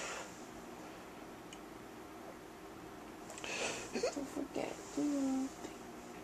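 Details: An adult woman talks in her sleep at night, going on about the refrigerator and TVs and insisting she is awake. A quiet room, then brief mumbled vocal sounds and a drawn-out murmur; sleep talking.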